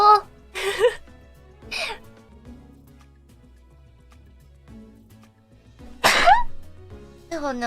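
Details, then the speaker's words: Repeated sneezing by a streamer during a live stream: several sharp explosive bursts in a row, each with a rising gasp, over soft background music. "no, here we go again. I feel a sneeze."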